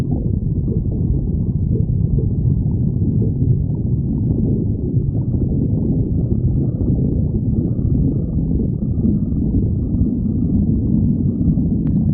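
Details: Stomach growling: continuous low rumbling and gurgling from the abdomen, ordinary borborygmi.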